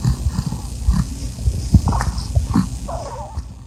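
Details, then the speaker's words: Infant with bronchiolitis in respiratory distress: tachypneic, with intercostal retractions, subtle nasal flaring and some head bobbing; rapid, noisy breathing with low grunting pushes on breathing out. "Tachypnic, intercostal retraction."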